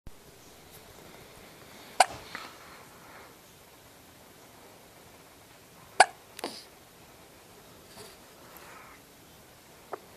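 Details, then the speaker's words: Sharp, abrupt hiccups about every four seconds in a quiet room, each followed by a short breath; ordinary hiccups. "has the hiccups. Jeez."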